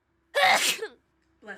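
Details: Person sneezing: a single forceful sneeze, a quick intake then an explosive burst, followed by speech ("bless you", "thank you").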